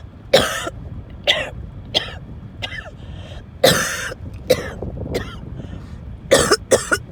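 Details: Recurrent fit while in a car: repeated forceful, rasping coughs with wheezing, choking and strained gasps between, over low car noise; coughing fit.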